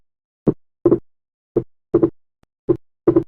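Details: Slow heartbeat, about 55 a minute, with a single first sound and a clearly doubled second sound: wide splitting of S2 with respiratory variation in right bundle branch block.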